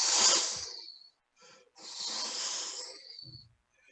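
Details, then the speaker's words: Vocal imitation by a clinician of a diamond-shaped crescendo-decrescendo systolic murmur, timed with the carotid pulse, in a mitral valve disease case; voiced hissing whooshes that swell and fade; mitral regurgitation versus aortic stenosis considered. "lo que yo escucho es lo siguiente en forma de rombo si siento el pulso carotídeo y mientras siento el pulso y yo lo escucho"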